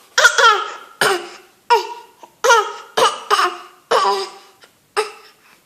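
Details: Young child giving about nine short, voiced, deliberate coughs on cue with brief pauses; voluntary cough.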